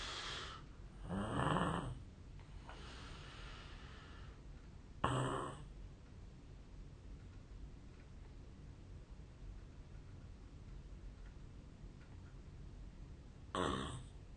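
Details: Real sleep recording from 8 years ago of a Japanese adult, who suspects a long-standing sleep disorder: loud, harsh snorting snores at uneven intervals with long quiet gaps over room hiss; irregular heavy snoring.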